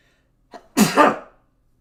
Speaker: what was that noise um a sneeze in an echoey dorm room